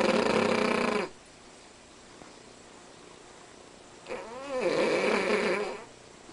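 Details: Sleeping Cavalier King Charles Spaniel, unusually loud snorer: loud, buzzing, fluttering, coarse vibrating snores on two breaths with quiet pauses between; snoring.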